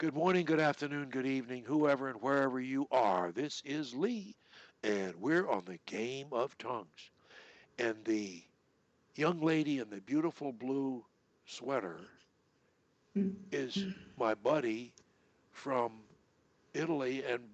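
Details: Adult man; typical speech.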